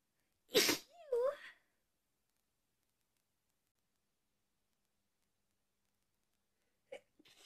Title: Some sneezing ..yaaay